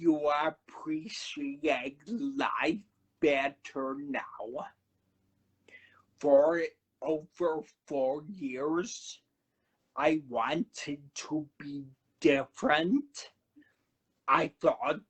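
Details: Adult man who had a cerebellar stroke at 35 in September 2013, could not talk at first, has aphasia; finding: dysarthria with dysphonia from vocal fold paralysis after stroke.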